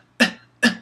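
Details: Vocal tic in a male with Tourette syndrome: a brief loud vocal sound; vocal tic.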